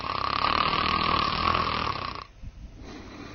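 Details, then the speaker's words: Simulated snoring with airflow limitation: loud, rough, vibrating inspiratory snore that cuts off abruptly, rising breath by breath in frequency and loudness, with increasing breathing effort. "Breath by breath the frequency of the upper Airway vibration increases along with the loudness of the snoring snoring also increases the effort required to breathe and it can be rather"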